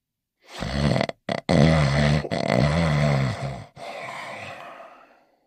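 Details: Animated cartoon dog character sleeping in his bed: exaggerated, voiced, rumbling snore with grunting breaths; simulated cartoon snoring, not a real sleeper.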